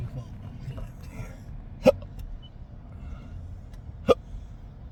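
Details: Two sharp, abrupt hiccups about two seconds apart over steady car road noise, from a person hiccuping while driving who finds it hard to speak, with no burps; ordinary hiccups.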